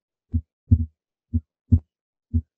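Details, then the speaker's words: Simulated normal heart sounds on the Harvey simulator at the upper left sternal border, timed with the carotid pulse: crisp S1 and S2, with S2 louder than S1 at the base, and no murmur. "you'll notice that the second heart sound is louder as you would expect here at the base of the heart similarly it's still louder than the first heart sound which we can time along with our carotid here"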